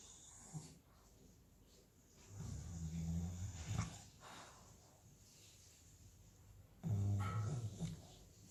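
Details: Low, rattling, grumbly snores from a sleeping dog, a few seconds apart, with quiet breathing in between; dog snoring.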